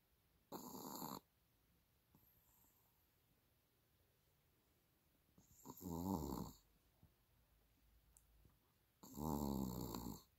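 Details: Sleeping dog wrapped in her blanket snoring loudly: three rattling snores about four seconds apart, roughly 14 a minute, with quiet breathing between; snoring.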